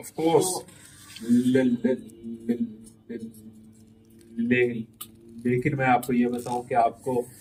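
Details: Male participant in a stammering support session deliberately stammers, including his feared words, as a therapy technique at the trainer's request; voluntary stuttering.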